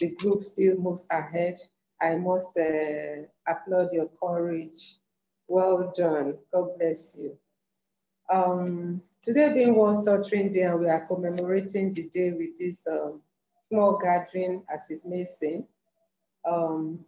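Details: Adult woman speaking; normal fluent speech.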